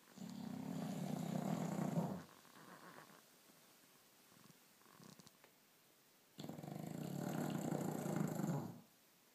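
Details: Loud, rough fluttering snores about two seconds each, separated by quiet exhalations, from a sleeping dog; snoring.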